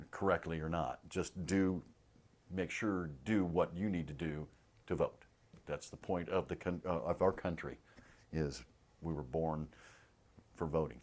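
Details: Aphasia group member; aphasia.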